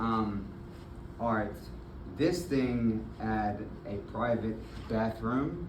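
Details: Adult man with aphasia, speaking some time after hospital discharge; aphasia.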